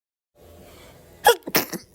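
A short quiet inhalation, then a sharp explosive burst with a trailing second puff: a single sneeze.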